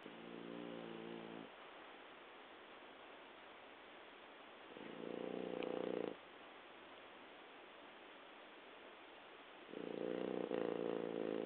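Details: Adult French Bulldog asleep, snoring in a low, fluttering rhythm about every five seconds: stertor. The owner says the snoring was very loud as a puppy and became quieter breathing with age.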